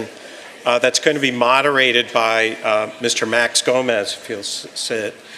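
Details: Adult male speaker; Normal speech.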